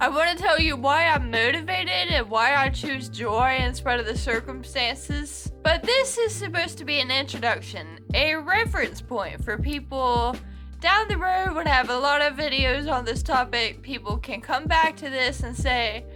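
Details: Adult woman with Friedreich's ataxia, a genetic, progressive neuromuscular condition affecting her speech; mostly uses a wheelchair; ataxic dysarthria.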